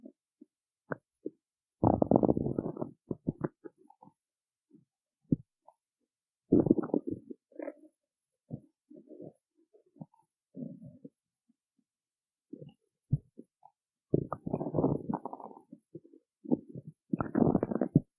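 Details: Stomach growling in a hungry person who did not eat before a performance: irregular gurgling, rumbling and squelching bursts with silent gaps, ordinary hunger gut sounds.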